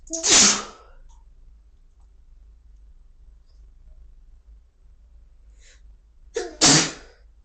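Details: Two forceful sneezes, each preceded by a brief catch of breath, separated by a quiet pause; deliberately induced sneezing.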